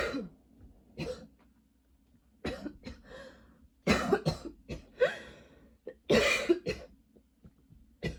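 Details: Person with long, nonstop coughing spells and a lingering throat tickle: about a dozen coughs in irregular bursts with throat clearing between; persistent cough.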